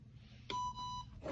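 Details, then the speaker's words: A single steady electronic tone of about half a second as a ResMed Astral ventilator with single-limb circuit is powered on via the green button, with alarm bar flashing; a normal start-up beep. "You will hear the device beep. You will see the alarm bar flash. That is normal."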